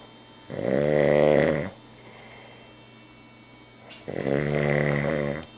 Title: Snoring